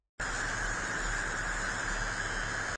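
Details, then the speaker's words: Simulated tinnitus of the electric type, one of the common tinnitus sounds played by an audiologist: a steady electric buzz with a low hum and hiss. "Electric."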